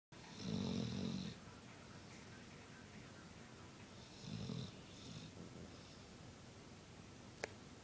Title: The king snores.